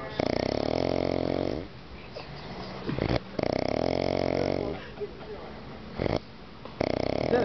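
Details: Loud "chainsaw" snoring: harsh, rattling snores, three in about seven seconds, with quiet gaps between them; heavy snoring.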